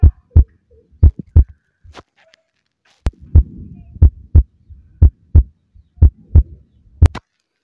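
Steady paired heart thumps at about 60 beats a minute through a stethoscope, with some handling scrapes.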